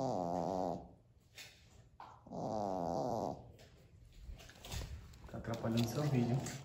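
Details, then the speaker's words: Pet snoring in the background of a kitchen cooking video: rough, buzzing, throaty noises in regular bursts with each breath. "aqui é o que ele ronca muita gente eu tô te falando e vocês provavelmente deve tá escutando o ronco dele então vocês já sabem que esse barulho de fundo é o ronco do like"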